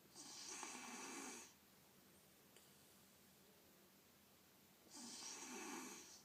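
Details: Sleeping individual (Lily), otherwise healthy with no cold or runny nose, makes two hissing, airy snores about four seconds apart and has pauses in breathing; obstructive sleep apnea is suspected; snoring.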